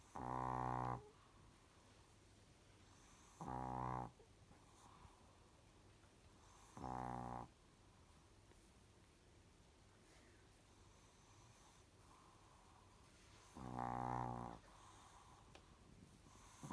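Four low, buzzy snores a few seconds apart against quiet room noise; a small dog snoring in sleep.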